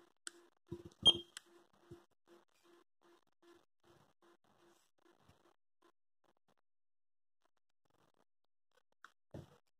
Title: Pulse Oximeter I Dr Trust Pulse Oximeter